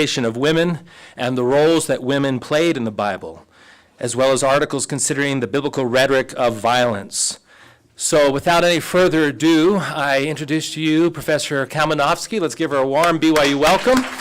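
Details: Adult speaker; normal voice.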